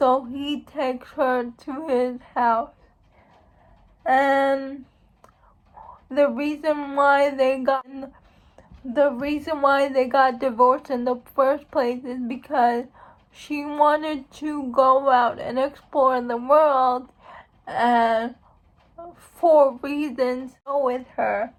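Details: Woman who states she has cerebral palsy; speech in cerebral palsy.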